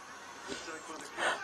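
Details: Baby girl on her father's lap: a brief intake of breath, then a single short, breathy sneeze, strong enough that she fell backwards; a sneeze.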